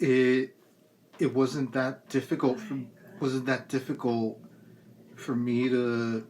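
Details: Adult with a lifelong speech impediment from cerebral palsy, persisting despite years of speech therapy from elementary through high school; hesitant, start-stop words; speech impairment (dysarthria) in cerebral palsy.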